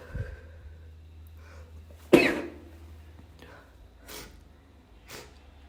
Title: trying to be quiet (stifles and muffled sneezes)